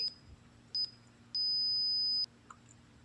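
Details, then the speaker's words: Dramatized sound effect in a Hindi story, an ICU monitor as the main character's father dies: short high electronic beeps followed by a longer continuous flatline tone. "और कुछ second बाद machine की beep एक सीधी line में बदल गई।"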